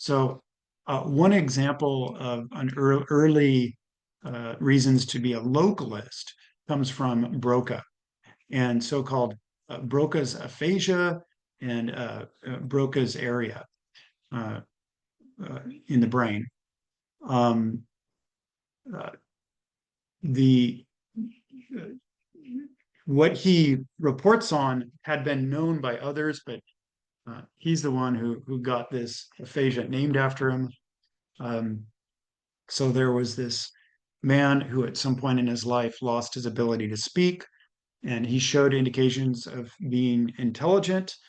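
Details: Adult male lecturer; normal speech.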